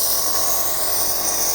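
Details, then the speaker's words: Electric nebulizer air compressor switched on for asthma treatment, medicine mixture already loaded: steady high-pitched mechanical hum and whine; compressor making mist to be held over the patient's nose and mouth. "প্রত্যেকটা নেব মেশিনের air কম্প্রেসারের একটা electric connection রয়েছে তো এটা আমরা সংযুক্ত করব একটি ইলেকট্রিক কানেকশনের সাথে এবং এটা চালিয়ে দিব এর যে সুইচ"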